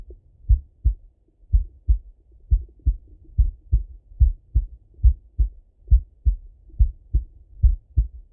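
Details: Male heart auscultated with a stethoscope, recorded partly sitting at a desk and partly lying in bed: steady regular lub-dub about 70 a minute; normal heart sounds.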